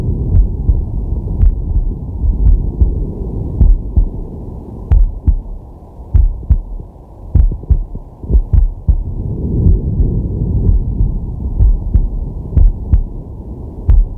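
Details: Normal heart sounds of a man resting, recorded with a digital stethoscope on the chest: steady, muffled lub-dub at roughly 60 per minute with slow deep breaths underneath.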